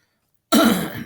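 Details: Teacher during a recorded math lesson: one abrupt, harsh cough after silence that fades into throat-clearing.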